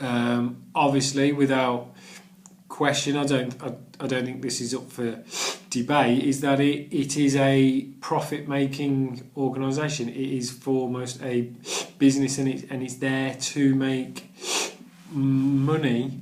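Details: Adult man who stammers and has done the Starfish Project stammering course; stuttering.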